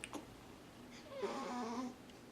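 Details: Soft squeaks and a brief low whimpering hum from a settled baby girl after a big feed, in a quiet room; ordinary contented infant sleep noises.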